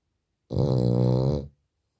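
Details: Sleeping French bulldog giving a single loud, low, rumbling snore lasting about a second on one breath, in a quiet room; snoring.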